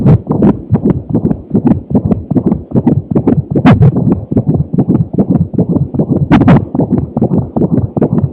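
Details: Fetal heartbeat recorded on a Doppler monitor while the baby had hiccups: rapid, regular whooshing beats, about 150 per minute.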